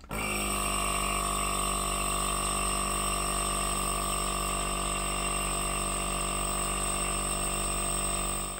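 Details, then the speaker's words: Battery-powered portable travel nebulizer for asthma running with medication loaded: steady mechanical hum and whine of its small compressor pump. "When you take it out, you just put it together and you connect the nebulizer tube in here, and after you've put in the medication, just plug it in and press this silver button and you're ready to go."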